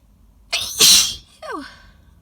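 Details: A sharp intake, then a loud, explosive, wet sneeze ending in a falling vocal cry, from an adult's intense pollen-triggered allergic sneezing fit while congested, sitting in a car.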